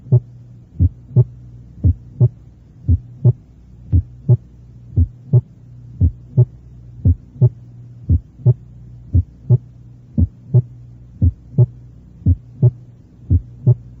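Regular heartbeat, about 58 a minute, with a soft first sound and a second sound as loud or louder: reduced first heart sound.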